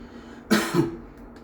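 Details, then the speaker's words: Man with grade 4 varicocele during scrotal Doppler ultrasound before varicocele surgery: a single short voluntary cough on request to provoke venous reflux, against steady room noise; large reflux seen on cough. "please see what's happening when you strain push your abdomen strain or cough like"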